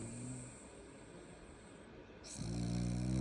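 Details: French Bulldog snoring: a rapid, low rattling snort that fades and then returns louder; noisy snoring.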